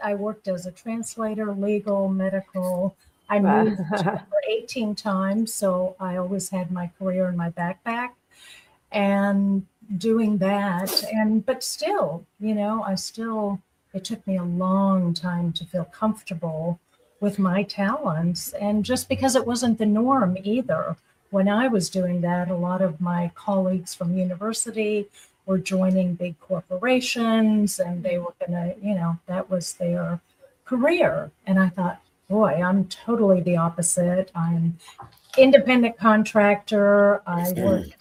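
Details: Adult woman with a stutter present since childhood. Stuttering.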